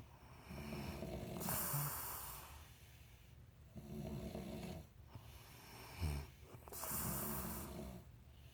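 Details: Two sisters sleeping, snoring with rough rattling breaths and occasional snorts, overlapping and out of step: snoring.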